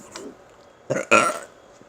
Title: Burping contest she won